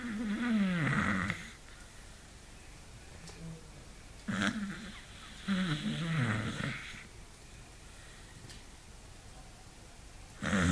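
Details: A sleeping beagle's loud, long snoring: wavering snorts and whistling snores repeating irregularly every few seconds, louder and longer than usual for him.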